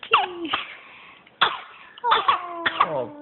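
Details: Several short coughs mixed with high-pitched giggling from a small child.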